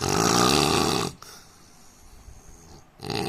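A loud, harsh, rattling snore lasting about a second, a quiet pause, then the next snore starting; loud snoring in an adult.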